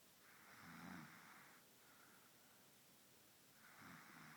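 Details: Sleeping baby girl snoring loudly; soft rhythmic rattling breath sounds about three seconds apart.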